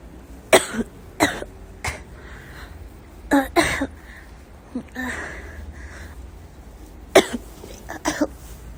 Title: my sister coughing 1